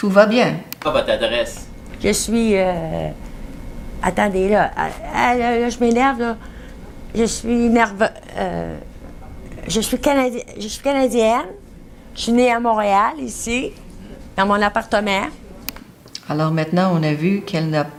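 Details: Adult woman examined for aphasia: fluent speech with semantic and phonemic paraphasias, circumlocution, word-finding difficulty, impaired repetition and subtle comprehension problems; mixed aphasia with impaired comprehension and production.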